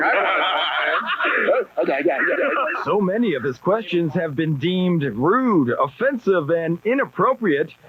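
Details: Adult male speaker, with laughter at the start; ordinary speech.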